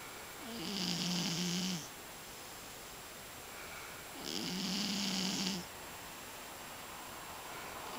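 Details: Scottish Fold cat snoring while asleep: two long, whistling, raspy snores about four seconds apart over steady room hiss.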